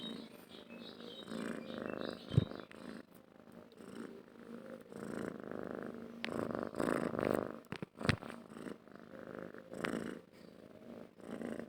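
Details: Cat purring while its head is stroked, often taken as a sign of happiness though possibly hunger, stress or illness; steady low rumbling purr rising and falling with each breath, ordinary purring.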